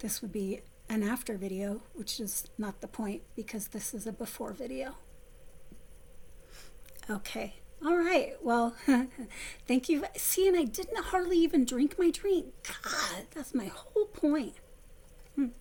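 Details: Vocal tremor from essential tremor in an adult woman, about 3–4 years' voice involvement, before focused ultrasound treatment; previously near-whisper, improved somewhat after stopping a medication causing voice loss.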